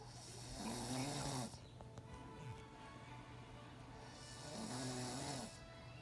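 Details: Child (son) asleep, two long droning snores about four seconds apart over a noisy room; steady snoring.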